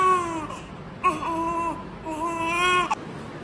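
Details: Three short, steady cries with brief pauses between them from a big newborn baby weighing 5 kg; newborn cry.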